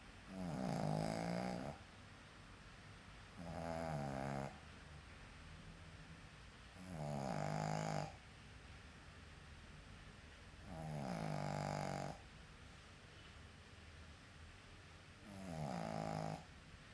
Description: My dog snores. :))